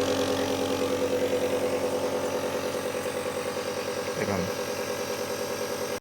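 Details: Steady mechanical hum with fast regular pulsing from a running Dr. Sanaya CN-R01 low-noise compressor nebuliser, for child and adult home use; nebuliser running.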